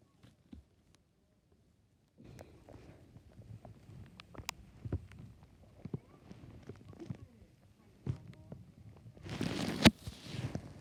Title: My stomach growling haha